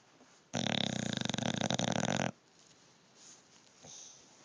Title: Maximus snoring cutest bulldog ever